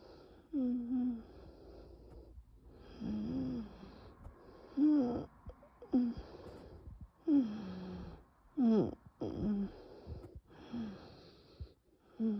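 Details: Very severe nocturnal asthma attack with bronchial spasm and no coughing: laboured breathing with loud musical wheezes on each breath, about 16 breaths per minute. By the end, the bronchi slowly reopen with rescue medication.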